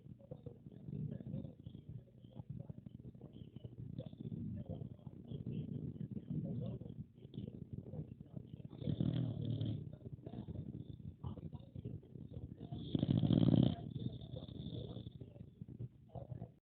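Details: Pocket Bully puppy asleep: low, rattling, grumbling breath sounds with louder snorts every few seconds; snoring.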